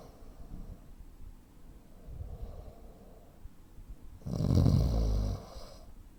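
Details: Snoring in a 43-year-old man (85 kg, 165 cm) with sleep apnea: quiet irregular breathing, then a sudden loud gasping snore of about a second ending a breathing pause.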